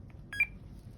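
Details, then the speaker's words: CADD Solus VIP home infusion pump for TPN switched on with the large side button after battery installation: a soft click, then a short, bright electronic power-on beep. "The door does have a spring, so it's helpful to push it down on a hard surface to push down that door and to latch the door. Then you will push the large button on the side"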